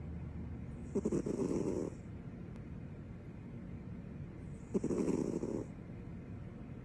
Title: Snoring with her tongue out